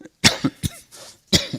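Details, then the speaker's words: Recurrent dry cough in an adult male speaker during a workshop talk, voice strained after seven weeks of frequent speaking, stated not infectious: a quick run of several short, harsh coughs in paired bursts in a small room. "excuse me, and I'll have to excuse for my recurrent cough."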